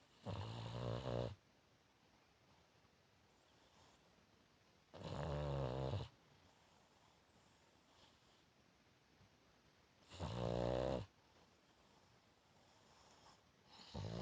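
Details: Dog snoring and dreaming while asleep: three loud, rattling snores about five seconds apart, roughly 12 a minute, with quiet room between them.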